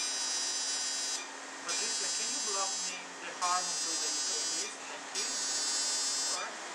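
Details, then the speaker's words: Ablative fractional CO2 laser resurfacing with a DeepFX handpiece on a dark-skinned (type IV) patient with acne scars, skin stretched along the jawline: repeated second-long high buzzing bursts with short gaps over a steady hum. "So I then apply again my finger along the jawline and I will start again to do the treatment."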